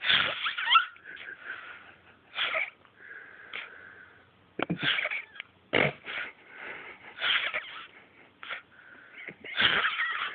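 Repeated high-pitched, whistling, snorting breath noises with pauses between them, fitting noisy wheezy breathing.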